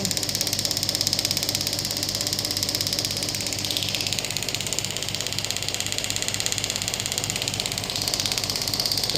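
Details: Biotronix pneumatic radial extracorporeal shockwave therapy device (ESWT) demonstrated on the operator's hand at low intensity (about 4–6 bar, up to 12 available); steady rapid mechanical tapping about three pulses a second with hissing whir.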